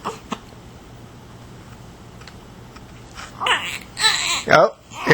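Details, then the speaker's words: Hungry infant girl who had hiccups, at feeding time: after a quiet stretch she starts fussing with several rising, strained cries. "oh it's crying time why because it's feeding time who wants dinner you hungry"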